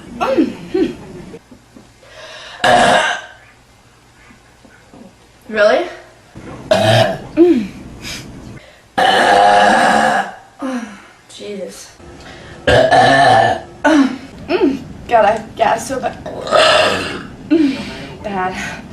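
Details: A woman burping, a compilation of big burps: repeated loud, long burps with voiced, croaking belches between quieter sounds in a small room, showing ordinary belching.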